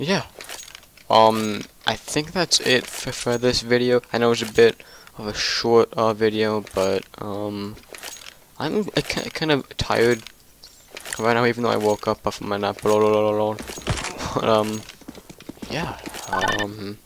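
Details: Male who stutters in nearly every sentence, with onset around second or third grade and severity varying over the year; stuttering.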